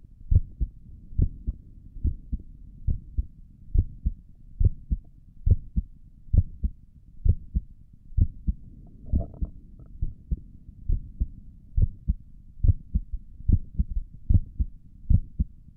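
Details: A person's own resting heartbeat recorded through a stethoscope on the chest for relaxation: steady low lub-dub at about 70 beats a minute with no extra sounds; normal heart sounds.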